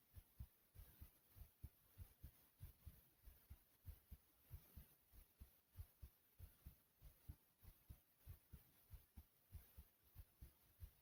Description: my heart was pounding after running in place.